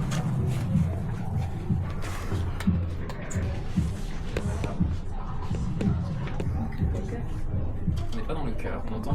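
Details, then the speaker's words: Dense, rapid low thumping heard over a pregnant cat's uterus, not her intestine or stomach: the overlapping heartbeats of her unborn kittens, fetal heartbeats. "Ah ouais, c'est pas l'intestin, c'est l'utérus. Ah ouais. La maman attend petits, on entend les battements de cœur de ses petits."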